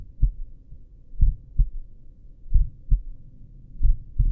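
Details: Own heartbeat recorded lying down with a stethoscope at the apex: slow, regular lub-dub pairs at about 45 beats a minute. Slow heartbeat.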